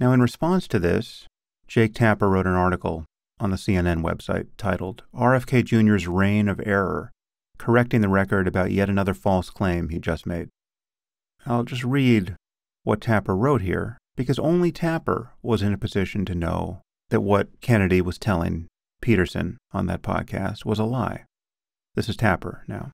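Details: Adult man; typical speech.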